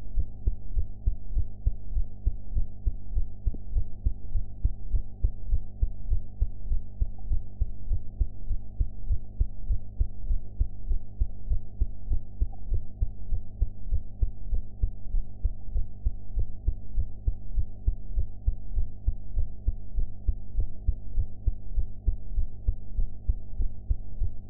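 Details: Own heart sounds recorded after eating: regular low heart thumps at about 100 beats a minute over a steady low hum; sound quality enhanced.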